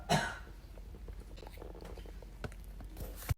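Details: Adult man with COVID coughing: a single sharp, harsh cough, then quiet room noise and a brief second burst at the end.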